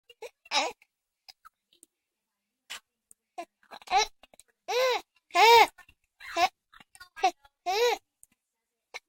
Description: 9 weeks old and expressing how she feels about hiccups.